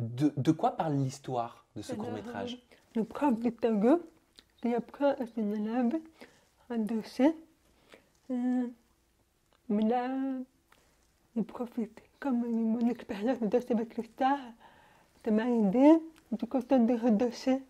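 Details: Young French-speaking woman, deaf since birth, wearing hearing aids since birth, speaking orally while lip-reading. Speech of a person deaf since birth.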